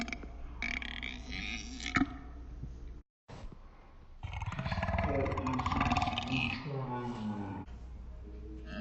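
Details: Part of a burping session lasting 1 minute 49 seconds: shorter throaty sounds, then a long, low, croaking belch rumbling for several seconds; loud burping.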